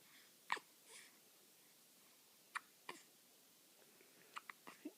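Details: Two-week-old baby boy with hiccups, held by his mother as she talks to him; brief, sharp hiccup catches repeat at uneven intervals in a quiet room.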